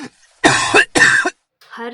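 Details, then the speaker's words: Acted adult cough in a student-made tuberculosis awareness sketch: two loud, harsh cough bursts close together, then quiet. "दिन हजारों लोग खांसी करते हैं। कुछ इग्नोर कर देते हैं, कुछ डर जाते हैं और कुछ वक्त पर डायग्नोसिस ना होने की वजह से जान खो देते हैं।"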